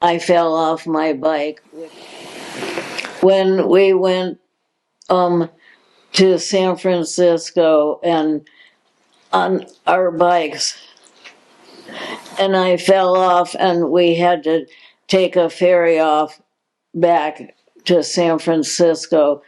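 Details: Progressive supranuclear palsy diagnosed in 2020, a progressive neurological disease with no cure, in an adult woman; hypokinetic-spastic dysarthria with hesitations.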